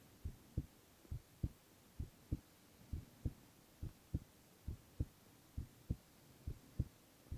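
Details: Male ASMR heart-sound recording with no talking: steady paired lub-dub beats at about 67 a minute, clear and even; normal heart sounds.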